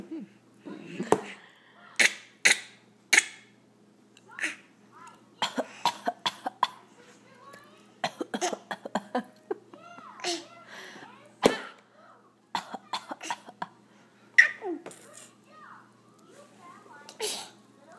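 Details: Cat coughing: repeated short, sharp cough-like bursts in a quiet room, with faint meow-like sounds between them.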